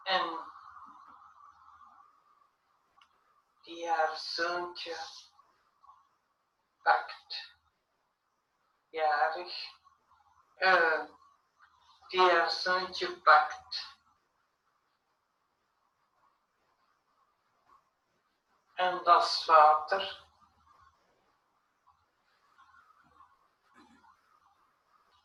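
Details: Patient with nonfluent variant primary progressive aphasia describing a Boston Diagnostic Aphasia Examination picture in Dutch; nonfluent spontaneous speech with suggested agrammatism.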